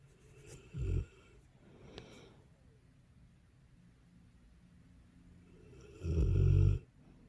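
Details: Deep, low rattling snores on two breaths about five seconds apart from a sleeping Dogue de Bordeaux; loud snoring.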